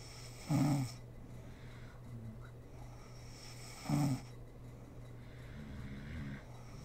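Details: Sleeping mother snoring: two short snorting snores, about 18 a minute, over a steady background hum.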